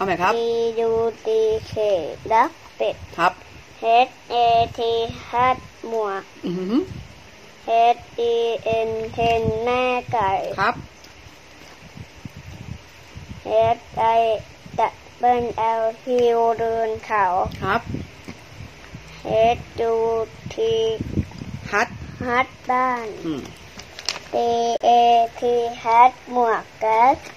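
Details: Boy deaf from birth from a congenital auditory nerve defect with severe hearing loss, given a first cochlear implant at 10 months and a second at 1 year 11 months, after almost 4 years of listening and speech training. Finding: speech of a child with bilateral cochlear implants.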